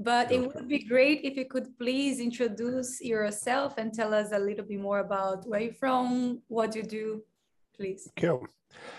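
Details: Adult interviewer speaking; typical speech.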